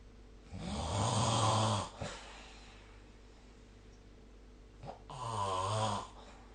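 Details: Snoring during sleep recorded with the SnoreLab app: two deep, rumbling snores on breathing in, separated by a long quiet pause.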